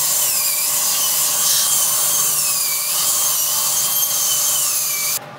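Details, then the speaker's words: Invisalign patient who had just finished aligner number 12, with the upper left canine not fitting its aligner: high-pitched dental drill whine rising and falling as it grinds, then stopping abruptly, during removal of aligner attachments for a holiday break. "so what they did was they took all my attachments off and they left me with the last trays I was wearing"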